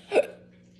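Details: A single abrupt, voiced gulp with a brief sharp catch in the throat during a self-recorded hiccup attack: one hiccup.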